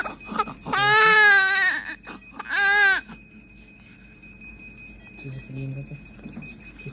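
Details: Newborn baby in hospital around feeding and burping: two loud wailing cries, then quieter fussing sounds; ordinary infant cry.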